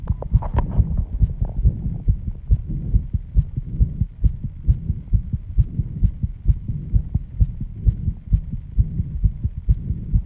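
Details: Heartbeat after intense exercise with heavy breathing, pounding loud and fast at 134 bpm, audible at first even without the microphone; sinus tachycardia after exercise.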